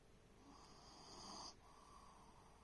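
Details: An adopted shelter animal snoring while asleep: a single rasping, rising breath sound with faint room noise.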